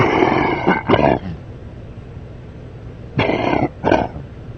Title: A men coughing during a sleep rush